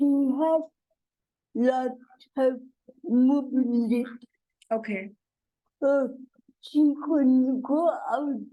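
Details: Adult woman and mother with cerebral palsy: dysarthria (cerebral palsy).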